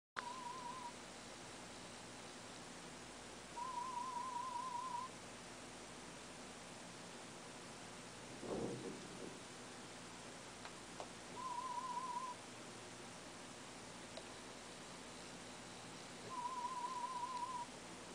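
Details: Aided sound-field hearing test with a cochlear implant low on battery; the listener has tinnitus and passed. Faint warbling test tones in short bursts separated by silence.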